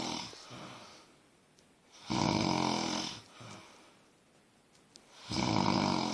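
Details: Roommate snoring during sleep: two loud, rattling snores with quieter breathing between them, about 20 breaths a minute.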